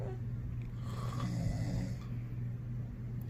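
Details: Loud snoring from a sleeping father: steady low rumbling breath noise with a soft rattle on the breath.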